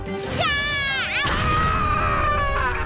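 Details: Animated cartoon (Vietnamese dub), simulated: a cartoon baby's loud, high wailing cry, rising and falling in pitch over background music; infant cry.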